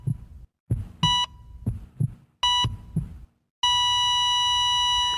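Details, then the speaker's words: Film soundtrack from Flatliners (1990), a staged hospital scene, not a real patient: vital signs monitor beeps with heartbeat thumps, ending in a continuous flatline tone. "I think we should do how many beeps you give this on the vital signs monitor [laughter] from the hospital because the movie is obsessed with that machine."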